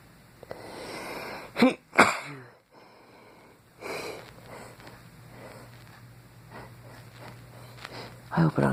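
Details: Man in a dark basement at night, eyes watering and nose running, wondering if a mouse is the cause, sneezing suddenly after hours without: two sharp explosive bursts, each after a quick inhalation, then sniffing.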